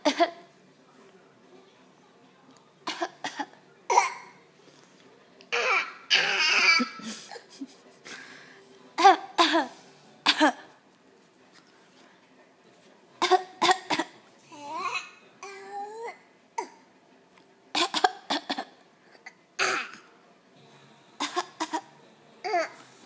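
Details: A young child gives a series of short, deliberate fake coughs mixed with giggly voiced sounds: a voluntary cough, not illness.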